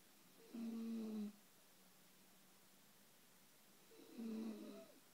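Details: Adult woman, a wife, sleeping: two loud, buzzing, low-pitched snores on in-breaths about three seconds apart, hog-like, with quiet breathing between in a small room; snoring.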